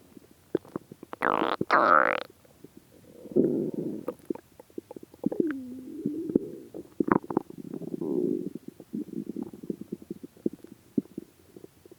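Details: Stomach growling after 76 hours (3 days 4 hours) without food: loud gurgling rumbles and squeaky, wavering growls with clicks between them, from an empty stomach.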